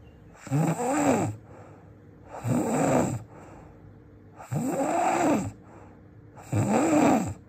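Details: Four loud, rasping, fluttering snores, about 32 a minute, each rising and falling in pitch, over music; called the loudest snoring in the world: heavy snoring.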